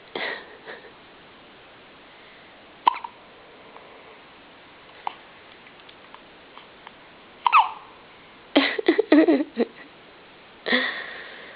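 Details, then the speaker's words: Baby boy with hiccups: short, sharp hiccups at irregular intervals, a handful over ten seconds, with a few soft baby vocal sounds; infant hiccups. "Uh-oh. Are you okay, baby? Oh. Are you okay? Poor thing. Poor thing, your hiccups."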